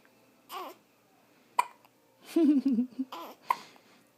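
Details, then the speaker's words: Tiny baby boy with hiccups: repeated short, abrupt hiccup sounds mixed with soft baby vocal sounds. "He's alright. You got the hiccups, boo."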